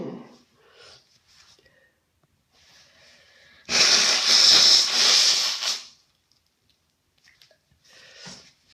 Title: Sat in a steamy bathroom to try and loosen my stuffy nose. More sneezes & blows.